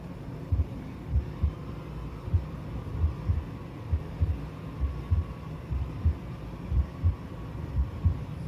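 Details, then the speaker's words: Normal heart sounds: regular paired lub-dub S1 and S2 at about 65 to 70 beats a minute, played for comparison with an abnormal sound; normal heart sounds. "तो जो पहला sound मैंने आपको सुनाया वो normal heart sound था।"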